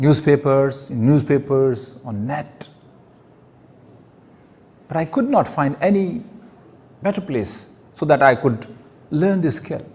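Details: Adult man who stammers, giving his first public speech: stuttering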